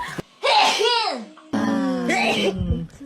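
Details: Two short voiced sneezes with sudden onset and falling voice, from a young adult woman, a K-pop singer, in a sneezing compilation.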